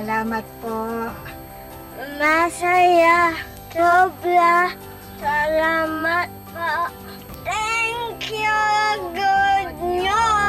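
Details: 11-year-old boy with cerebral palsy who cannot walk and has difficulty speaking; dysarthria (cerebral palsy).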